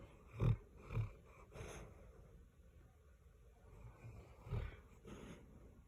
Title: Golden doodle snoring while dreaming 😴